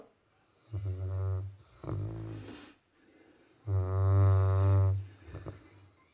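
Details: Deep, buzzing snores on breathing in, with a softer snort in between, from a sleeping Labrador dog; snoring.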